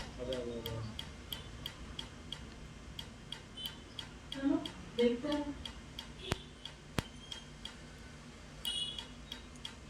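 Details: Laser tattoo removal on a man: rapid, regular sharp ticking clicks with brief murmured voices in a small room; laser pulses breaking up ink.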